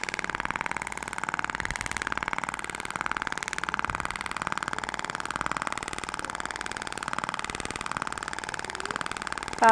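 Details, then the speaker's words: Rapid, steady train of sharp mechanical pulses, about four a second, from a Thork shockwave device during facial skin-quality treatment under the chin (submental), with gel for gliding; 6,000 shots distributed over the face. "Ah então a distribuir seis mil disparos vejam como é rápido o tratamento né"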